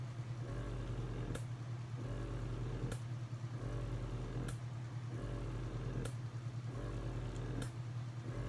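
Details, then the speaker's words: Electric breast pump running while a mother pumps breast milk, which keeps going until the machine is turned off: steady low motor hum with a rhythmic suction cycle about every 1.5 seconds, each ending in a soft click. "and it's just gonna keep going until I turn off the machine."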